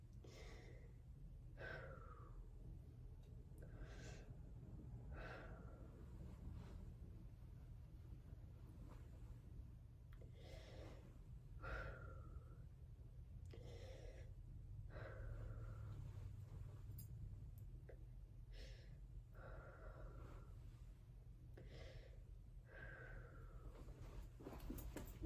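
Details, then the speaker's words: Student nurse's thorax and lung exam, patient taking big breaths in and out through the mouth: steady open-mouth breaths about 14 a minute, clear lung sounds on all fields, no added noises; normal breath sounds. "okay um clear lung sounds on all oops"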